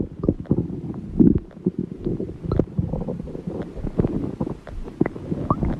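Continuous gurgling, bubbling and rumbling with squeaky pops; ordinary stomach growling from gas and fluid moving through the gut.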